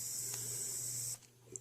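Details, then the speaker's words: Portable handheld mesh nebulizer running: steady high-pitched hiss as it produces mist for inhalation, stopping abruptly when switched off, then a faint click. "see already the mist coming out of the machine so it will work without this being down all the way again technically it should be pushed all the way down"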